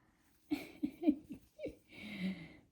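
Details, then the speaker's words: A small visiting dog snores in a quiet room, with short snuffling snorts followed by a longer rattling breath. "That one. You hear the little dog snoring?"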